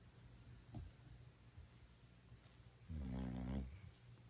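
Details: Quiet room with a faint early snort, then one low rattling snore lasting about a second: a sleeping dog snoring.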